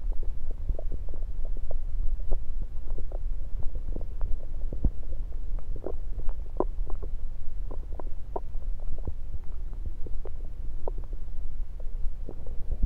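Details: Bowel sounds heard through a stethoscope placed around the belly, recorded mainly to show stethoscope placement: frequent low gurgles and rumbles over a steady low background; ordinary active bowel sounds.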